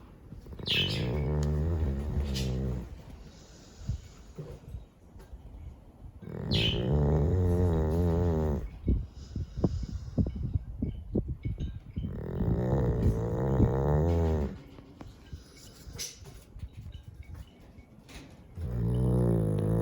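Loud, rattling snores on each breath, about every six seconds, with quieter snuffling between them.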